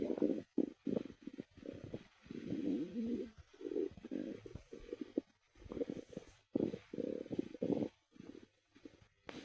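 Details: Repeated low gurgling and rumbling bursts with short gaps; ordinary stomach growling (bowel sounds).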